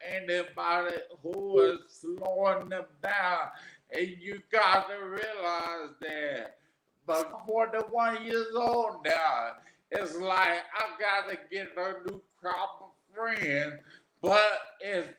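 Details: Adult man with aphasia after three strokes; real patient, stroke survivor; aphasia.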